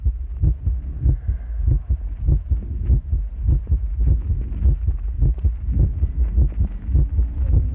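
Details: Amplified normal heart sounds auscultated from a live performer's body in a sound-art installation: a steady, low thumping heartbeat at about 100 beats a minute, likely processed for the performance.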